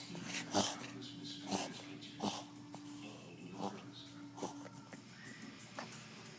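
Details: Dog sitting still gives a run of about six short, harsh, hacking coughs over six seconds, cause unknown to owner, who wonders about fiber or strings eaten; faint room hum; cough.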